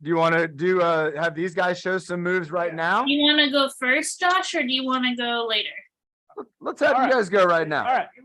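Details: Adult male speaker; typical speech.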